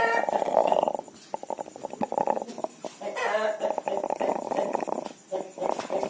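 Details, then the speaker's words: Chicken checked at night with very loud, rattling, snore-like bursts on breathing (ngorok), a respiratory disorder, before treatment with doxycycline powder: rales. "nah Pada kesempatan kali ini saya berbagi cara mengatasi ayam ngorok atau gangguan pernapasan beku Yang pastinya tetap menggunakan obat murah meriah tapi mundur ini adalah kondisi ayam saya waktu Pengecekan di malam hari ayam crop sangat keras"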